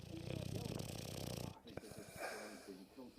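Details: Snoring: one long, rough, fluttering snore, then softer snuffling breath sounds.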